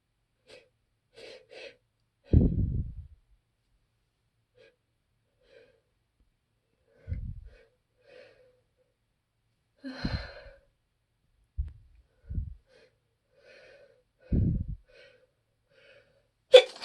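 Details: Person with watering eyes and an itchy nose attributed to trees outside; gasping, catching breaths build up, then several short explosive sneezes through a quiet stretch; repeated sneezing.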